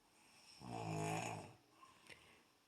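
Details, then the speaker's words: Snoring in a sleeping man near 1 a.m.: a single drawn-out, vibrating snore lasting about a second, followed by a soft snuffle. "high mess and a half wake your tail up with all that snoring what the how you sleeping like that oh my god"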